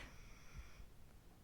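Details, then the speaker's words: A brief, faint, low snorting snore from a sleeping pet in a quiet room. "Ese ronquido fue de mandarina."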